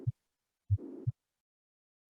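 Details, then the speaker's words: Mitral regurgitation murmur in a veterinary teaching recording: the normal thump is replaced by a soft blowing murmur filling systole up to the next thump, resembling a vesicular respiratory sound. "Jadi depnya tidak muncul lagi, tapi mirip seperti suara vesicular sound, ya, respiratorik, ya, something like a respiratory sound."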